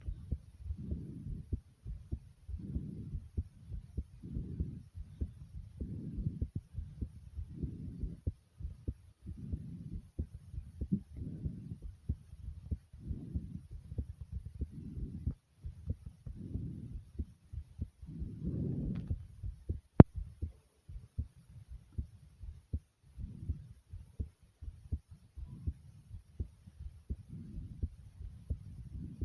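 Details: Own heartbeat recorded after running in place for a few minutes, possibly over the stomach: quick, regular low thumps with waves of heavy breathing, a fast heartbeat after exercise.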